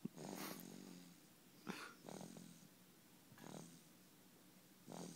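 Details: Thomas napping; rough, rattling breaths about every 1.5 seconds, some with a snort-like onset; snoring during sleep.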